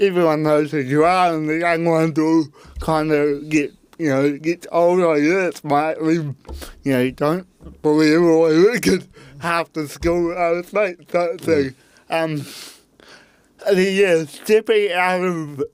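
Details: Adult man with cerebral palsy; his parents were told at birth he would never walk or talk; intensive therapy from birth to age six for walking and talking; dysarthria (cerebral palsy).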